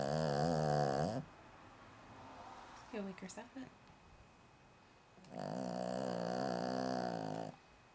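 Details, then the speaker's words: Female Cavalier King Charles Spaniel, about 9 months old and a known loud snorer, tired on her first day home; long, loud, buzzing snores with a brief quieter snort between them. "we have a snore here it's their first day together we just got inside the house and they're a little tired she's so loud"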